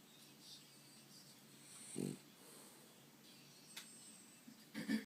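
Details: Sleeping dog snoring: soft, snorting snore sounds, two brief rough bursts in a quiet room.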